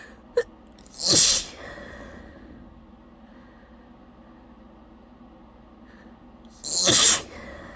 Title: struggling to keep back forceful, wet sneezing fit